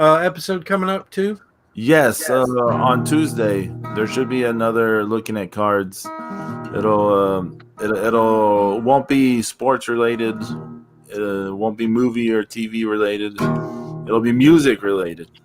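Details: Adult male speaker; ordinary speech.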